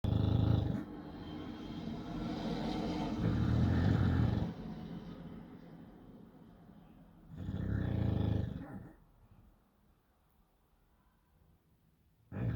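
Loud, deep, rumbling snores come in long rattling stretches with quieter gaps, typical of a flat-faced dog snoring in sleep.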